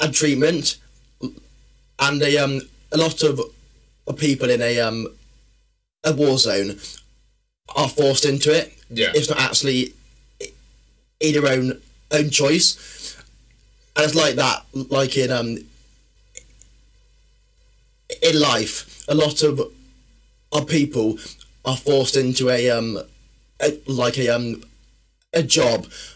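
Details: Adult male, former army medic, with a stammer since childhood that worsens when tired, stressed or nervous; stuttering.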